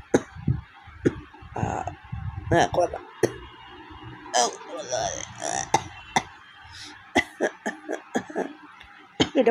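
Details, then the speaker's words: Adult woman with a week of fever and a cold, throat sore and voice cracked: several short, harsh cough bursts with throat clearing and breathy sounds between them; real, not staged, cough. "তো বন্ধুরা, যদি ভিডিওটা ভালো প্রচণ্ড কাশি হয়েছে, প্রচণ্ড, মানে real."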